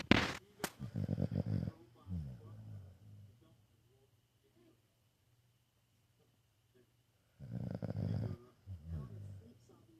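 Two loud, low rattling snores about six seconds apart, each trailing into a softer fluttering exhale, with quiet pauses between.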